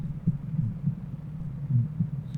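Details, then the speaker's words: Innocent (physiological) flow murmur: low heart sounds with a soft ejection systolic murmur from increased blood flow, presented in a heart sounds lecture. "نسمع الايجكشن سيستولي خلينا نسمع يلا اوكي دب فتشي فلو مرمر يسموه دا اتكلم على الانوسنت حاليا لان هذا انوسنت"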